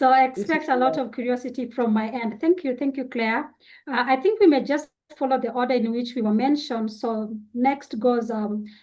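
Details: Adult woman speaking; ordinary speech.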